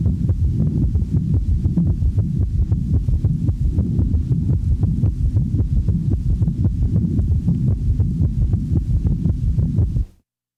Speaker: the following example demonstrates an S3 in a patient manifesting congestive heart failure since the heart rate is rapid one of the first compensatory mechanisms of failure one has the impression that there are three sounds with each cardiac cycle